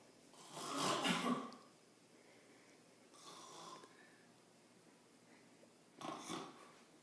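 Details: Adult woman (the mother) asleep before work, giving three rough, rattling snores about every three seconds, loud, soft, loud, in a quiet room; snoring.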